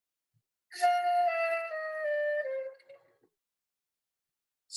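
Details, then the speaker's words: Saxophonist with embouchure focal dystonia playing flute; a single note sags in pitch, wavers and breaks into sputtering fragments as embouchure muscles spasm in a dystonic movement. "all of those muscles are kind of well spazzing and that's called a dystonic movement"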